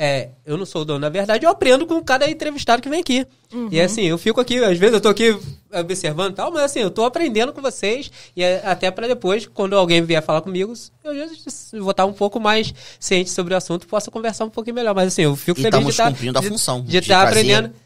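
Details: Adult man speaking Portuguese; fluent speech, no speech disorder.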